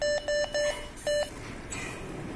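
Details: Portable Optima ICU ventilator in a demonstration: four short, even electronic beeps while auxiliary settings are adjusted, a routine alert tone; ventilator alarm beeps.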